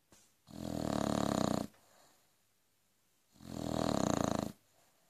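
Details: Frankie, an Aussie Bulldog, keeps snoring even when woken: two long, loud, rattling breaths about three seconds apart, each roughly a second long, quiet gaps between; heavy snoring.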